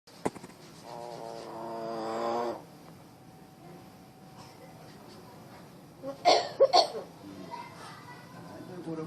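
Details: Myna bird (beo) coughing: a brief whistled call, then short, harsh cough-like bursts, two close together.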